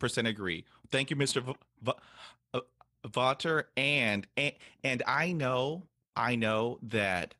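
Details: Adult man who has stuttered since he started talking, describing hesitations, blocks and prolongations; stuttering.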